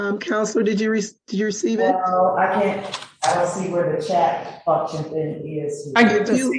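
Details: Adult speaker; typical voice.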